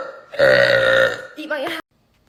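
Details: A long, loud, resonant voiced belch of about one second, then a brief second burst; burping.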